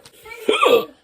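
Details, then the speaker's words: A single sharp hiccup with a brief voiced catch in an adult after eating Carolina Reaper hot pepper; spicy-food-induced fast hiccups. "hope y'all have enough hiccups hiccups oh yeah that's some fast hiccups"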